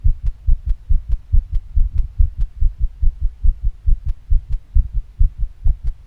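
Rapid, regular low thumping heartbeat at roughly 140 beats a minute, with faint clicking noise above it; a fast heartbeat.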